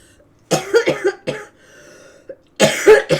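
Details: An adult gives repeated harsh, rattly coughs in quick runs (about four, then one, then another run) during a live painting stream; the cough is described as about as bad as it has ever been.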